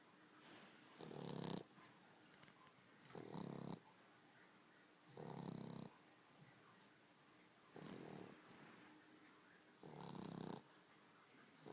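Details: Tessa, a female, snoring like a human: loud, rough snoring sounds on each breath, about 25 breaths a minute, with quiet room noise between; snoring.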